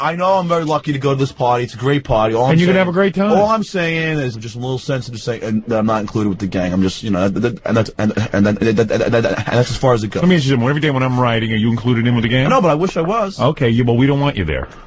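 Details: Adult man, born 1965, who has stuttered since second grade, speaking as a radio show call screener; word repetitions heard; stuttering.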